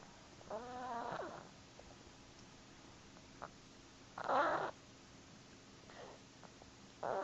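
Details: Cat snoring while asleep.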